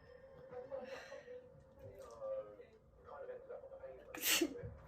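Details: Faked prank sneeze with flour cloud: soft talk and murmuring, then one sharp, forceful simulated sneeze near the end; sneezing.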